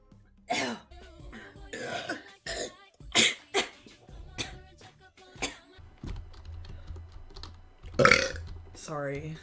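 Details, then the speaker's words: Female streamers burping: several loud, throaty burps with brief voices and faint background music; burping. "oh my gosh that was a good that was a nice burp nice bird that was a small one that was pretty good"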